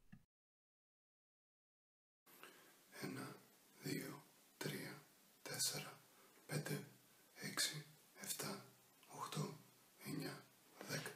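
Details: Young adult lawyer with dysphonia from unilateral vocal fold paralysis following thyroidectomy, counting aloud before voice therapy; the finding is dysphonia from unilateral vocal fold paralysis.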